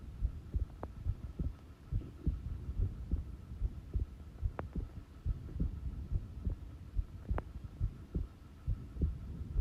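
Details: Steady low heartbeats at about 71 per minute with light background hum, self-recorded at rest; normal resting heartbeat; normal heart sounds.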